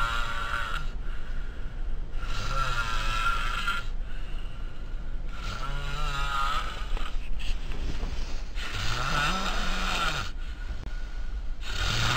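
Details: Loud, steam-train-like snoring from a person sharing a room: fluttering, rasping snores about every three seconds over loud steady background noise.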